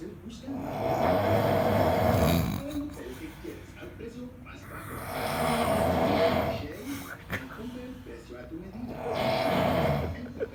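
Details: Loud, rough snores on each in-breath, about 15 a minute, with quieter breathing between; heavy snoring.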